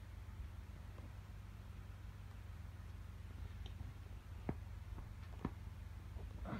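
Two sharp pops and a few fainter clicks over a steady low hum, typical of joints being cracked.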